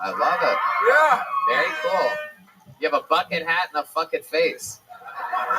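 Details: Adult speaker; Normal speech.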